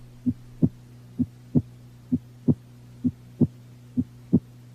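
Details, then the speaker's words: Normal heart sounds heard with the stethoscope diaphragm at the aortic area, right second interspace beside the sternum: regular S1 and S2 at about 65 beats a minute, S2 louder, over a low steady hum. "Note the cardiac rate and rhythm. Normally the rate is 60 to 100 beats per minute and the rhythm is regular."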